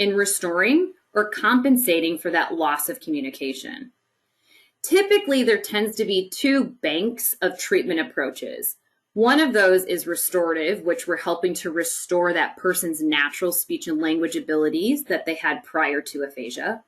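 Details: Adult woman speaking; normal fluent speech.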